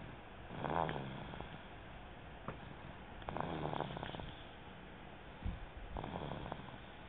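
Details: Baby boy snoring: soft, rhythmic rattling snores with each breath, about 24 a minute, recorded on a mobile phone over faint room hiss.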